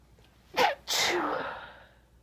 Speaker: I still have to sneeze. How is that even possible? Oh my god, it's stuck.